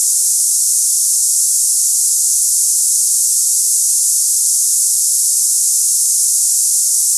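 Steady, unbroken high-pitched hiss like cicadas, a simulation of hissing tinnitus.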